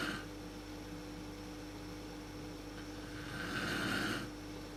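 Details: Mother snoring in the dark, worst at sleep onset, recorded with a PowerShot SX130 IS camera: rough rattling breathing over steady room hum, swelling on one breath near the end.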